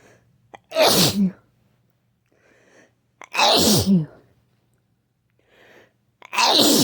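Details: A person who is sick sneezes forcefully three times about three seconds apart, each preceded by a quick catching inhale, with faint breaths between and a low room hum: repeated sneezing.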